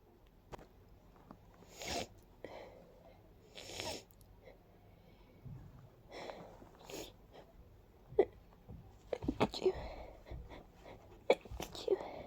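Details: Many soft, breathy little stifled sneezes amid quiet breathing and small mouth noises, from a person whose allergies are flaring badly and who felt light-headed afterward; allergic sneezing.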